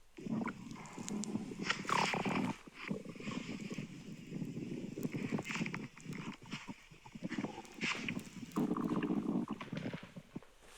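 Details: Irregular low gurgling and rumbling with occasional higher squeaky gurgles; real stomach grumbling, ordinary bowel sounds of digestion.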